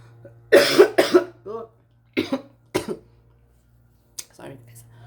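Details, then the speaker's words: Adult non-smoker, coughing for a month and treated with an injection: several short, harsh dry coughs in quick bursts with brief gaps and no wet rattle. A nurse called it a dry cough. "um because she says my cough is dry it's like someone that I'm it's like I'm a smoker because a smoker will cough right but the it's it's just a dry cough"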